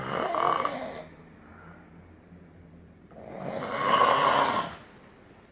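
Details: Man snoring while asleep, filmed at an event (PAL Academy Essilor); two loud, rasping snores separated by a quiet exhale pause, heavy snoring louder than a phone alarm.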